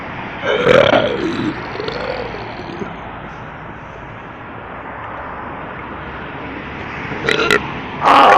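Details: Midnight burping: a long, loud, rumbling belch lasting about a second, then quieter belching and a short grunt, over steady background hum; burping.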